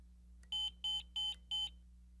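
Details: Four short, evenly spaced high-pitched electronic beeps over a low room hum as an M-series monitor/defibrillator is switched to monitor mode while a capnography CO2 sensor is being set up in ambulance monitor training; power-on tone.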